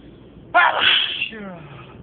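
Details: A single forceful adult sneeze, part of a sneezing fit recorded on a phone in a car: a sudden explosive burst of air followed by a short voiced trailing sound.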